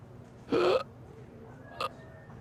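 Two short, abrupt voiced catches over quiet room noise, typical of hiccups.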